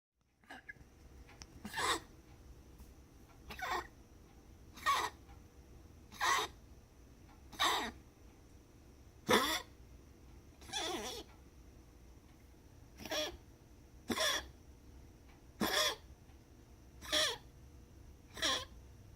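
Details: A cat gives a run of about thirteen short, dry, sharp coughs at roughly forty a minute; cough.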